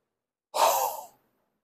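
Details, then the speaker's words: Chest physiotherapy demonstration of the low-level huff: a big breath in, then a single long, breathy, open-mouth exhalation of about half a second to move airway secretions toward the mouth for coughing out; low-level huff. "Low level huffing হচ্ছে বড় কইরা শ্বাস নিয়া খোলামু মুখে বড় করে শ্বাস নিয়ে লম্বা একটা দম ছাড়বে আমি একটু দেখিয়ে দিচ্ছি"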